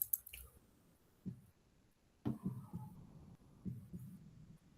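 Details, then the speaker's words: Normal first and second heart sounds (S1 and S2) heard through a stethoscope: soft, low paired lub-dub thumps, S1 from atrioventricular valve closure and a drier S2 from semilunar valve closure. "El primer ruido cardíaco [resoplido] genera un loop y el segundo un dop. Es más seco."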